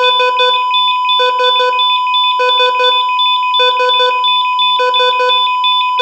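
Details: Simulated heart monitor steady, then slowing and stopping, steady high tone with repeating groups of three urgent beeps; cardiac monitor alarm for loss of vitals.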